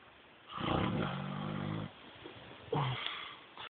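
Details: An adult man (husband) snoring in sleep: two rough, buzzing snores, one long and one short, with quiet breathing between.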